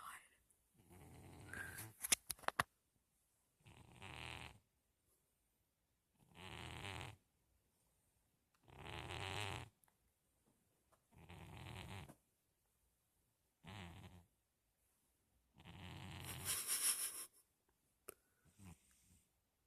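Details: Sleeping cat snoring: soft, rasping snores with each breath, about 24 a minute, separated by silent pauses; ordinary snoring.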